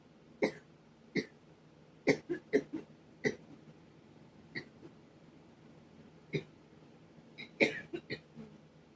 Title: the pollen count is high today. ugh it makes me cough a lot same with sneezing too .